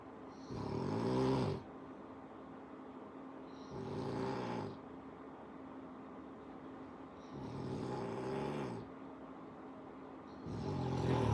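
Loud, rough, vibrating snores on each breath, four in about eleven seconds, roughly 20 breaths a minute; ordinary snoring.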